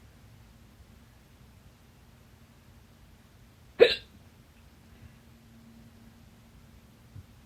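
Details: Stubborn fast hiccups blamed on too much salsa, lasting 30 minutes late at night; holding the breath failed until the fourth try: one sharp, abrupt hiccup in a quiet room, with faint softer catches after.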